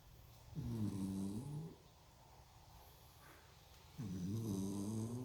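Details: Sleeping dog lying on its back, snoring loudly: two loud, low rattling snores about three seconds apart, with quiet breathing between; snoring.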